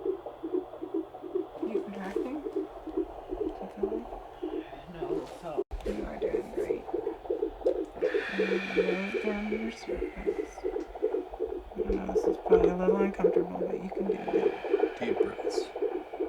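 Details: During labour, a fast galloping Doppler fetal heartbeat runs high, with dips to a reasonable range amid room voices; fetal tachycardia on Doppler.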